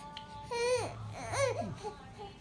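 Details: Infant girl fussing after tummy time and exercise, wanting to be held while adults coax her to smile; two short rising-falling fussy cries, ordinary crying for attention.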